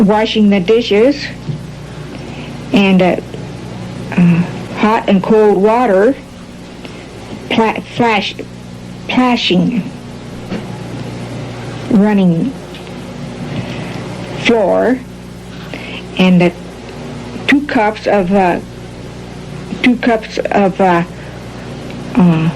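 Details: Patient describing a picture: fairly mild Broca's (expressive) aphasia.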